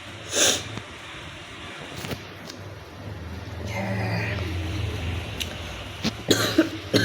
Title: cough challenge and hoking.. #cough